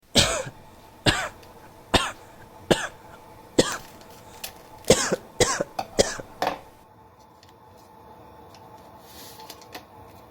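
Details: About ten sharp, irregular coughs in a row from an adult with a cold, then quiet.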